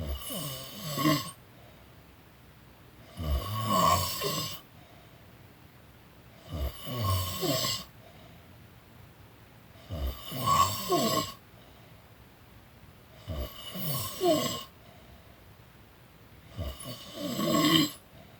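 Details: Person snoring during a nap: loud, rough inspiratory snores, about 18 a minute, with quiet pauses between.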